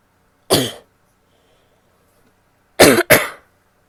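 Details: Female coughing: one cough, a pause, then two quick coughs in close succession; dry, short coughs.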